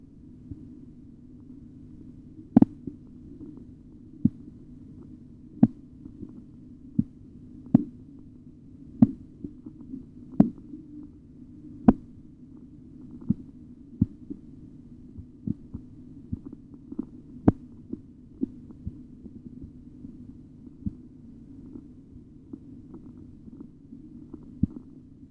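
Sharp, regular tapping thumps over a low steady hum, strongest midway, then fading: Korotkoff sounds during cuff deflation.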